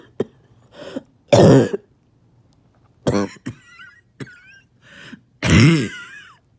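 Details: About six harsh, deep cough bursts, two loud and prolonged, with throat-clearing between, from a cough that has allowed about two days without sleep; barking cough.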